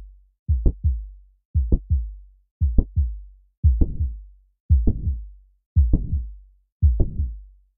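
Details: Simulated heart sounds of mitral valve prolapse at about 57 beats a minute: a sharp mid-systolic click followed by a soft late systolic murmur.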